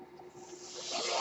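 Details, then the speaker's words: The speaker's own mechanical ventilator, heard during podcast speech: a soft airy hiss rising over about a second as it delivers a breath. "That noise you're hearing is my ventilator, and thank you for tuning in to Page Turners They Were Not, my Star Wars podcast."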